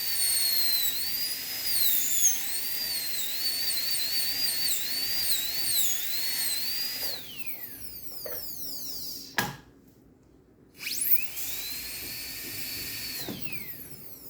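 Shrill high-pitched whine that rises and dips as it cuts, stops briefly, then spins up again: a high-speed dental drill.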